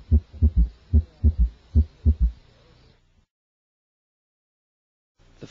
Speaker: the third heart sound S3 is a normal finding in children and young adults S3 is best heard over the Apex when the child is recumbent or lying on his left side listen now to a third heart sound